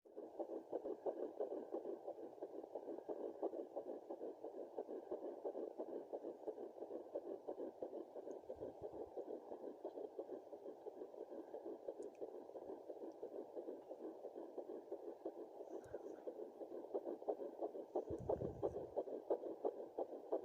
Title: Fetal heartbeat 9 + 2